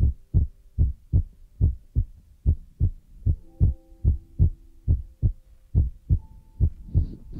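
Regular paired low thumps at about 72 beats a minute with faint tones in the background; a steady heartbeat.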